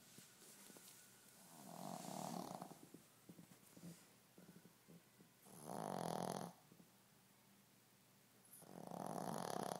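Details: Shih Tzu dog with a cervical disc problem snoring during sleep: rough, rattling snores about every four seconds, roughly 15 breaths a minute, over steady room noise.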